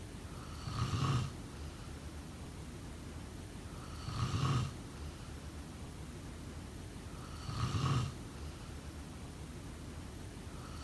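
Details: Snoring during sleep: three low, rumbling snores on breathing in, about 18 a minute, with steady background hiss between them.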